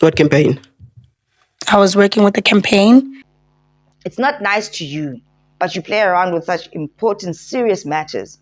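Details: Adult speaker; Normal speech.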